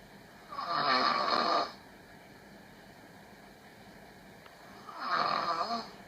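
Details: Girlfriend asleep during an online video call, snoring: two long, rough snoring breaths about four seconds apart, with quiet room hiss between them.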